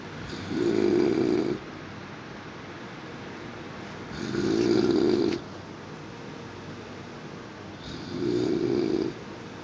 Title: Snoring noises 2